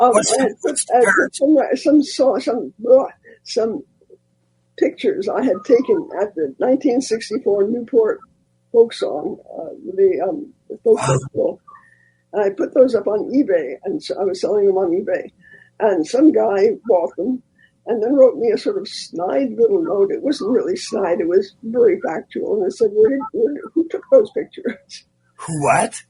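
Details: Dysphonia in a man after recent loss of a vocal cord, which was not caused by the polio he had in 1948.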